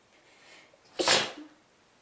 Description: I have a cold so I didn't want to talk a whole lot, but here are a few sneezes including a stuffy stifle and a nice gurgly blow for you.